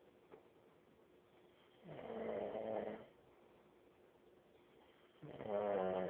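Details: Two loud, rattling, chainsaw-like snores on the in-breath, about three seconds apart, with quiet pauses between them; snoring.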